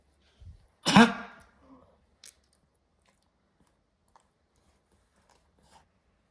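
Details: A 2.5-year-old dog with sudden-onset cough, filmed for the vet, gives one harsh, forceful cough-like burst with a brief throaty tail; kennel cough, cause unconfirmed, improved with antibiotics.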